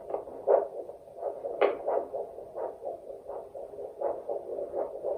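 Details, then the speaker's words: Handheld 8 MHz vascular Doppler probe with ultrasound gel over the radial artery at the wrist: rhythmic whooshing pulses at about 80 a minute, each a sharp surge that fades; normal pulsatile arterial flow signal. "Then to put it on an extremity, anywhere you can feel a pulse is obviously where there's measurable arterial flow."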